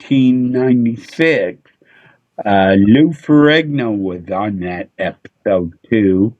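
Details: Adult male with a speech impediment he attributes to a neurological problem: MRI showed an underdeveloped back of the brain, and he hit his head on a dashboard in a car accident when younger; often mistaken for drunk; slurred speech.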